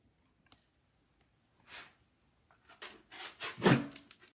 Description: Idiopathic sneezing in dog.